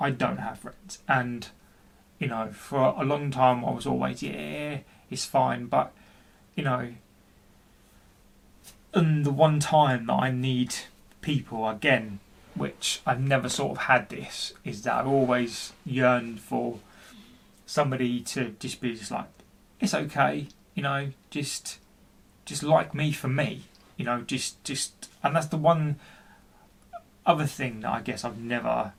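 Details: Adult man, 40, who stutters and has been experiencing depression, speaking with repetitions in a personal story; stuttering.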